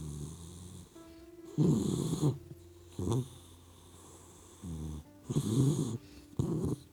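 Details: Puppy sleeping and snoring: soft rattling snores with background music; ordinary sleep snoring.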